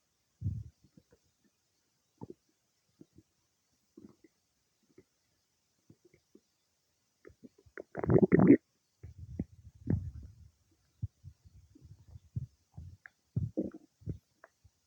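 Irregular gurgles, squeaks and rumbles from the belly, with one longer loud rumble; bowel sounds of normal digestion.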